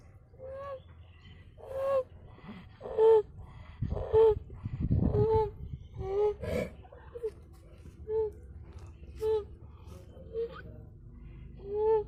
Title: Stridor in a calf